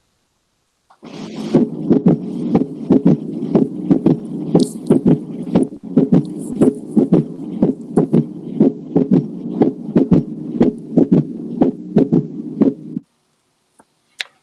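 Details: Third heart sound (S3).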